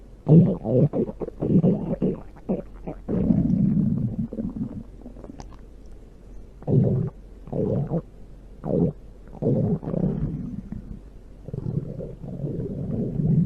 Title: Stomach growl (big sound)